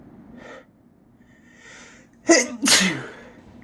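A quick indrawn breath, then two loud explosive sneezes close together; ordinary sneezing.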